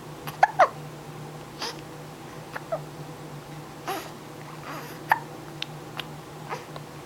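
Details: Infant hiccups: soft, brief, sharp catches repeating at irregular intervals over steady background hum.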